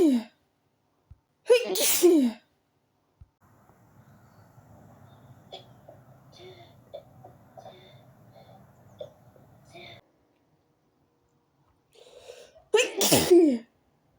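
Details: Sneezing from a tickly nose after sleeping with the window open: two loud, explosive sneezes with soft breathing and rustling between, some stifled or altered while trying to sneeze quietly.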